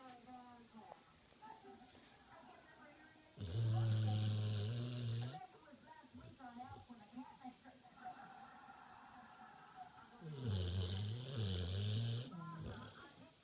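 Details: Two loud, rattling snores about seven seconds apart, each lasting about two seconds, with a television playing in the background; snoring.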